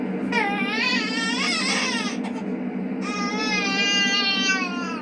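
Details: Baby boy fussing when put to bed: high, drawn-out whiny cries like a mewing kitten over steady room noise, poor-quality recording.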